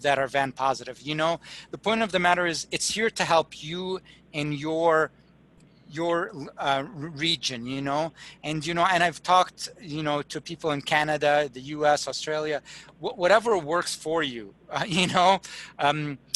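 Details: Acted imitation of a stroke patient with receptive (fluent) aphasia who cannot understand commands and gives fluent but meaningless replies (word salad); not dysarthria; aphasia usually seen with right-sided weakness.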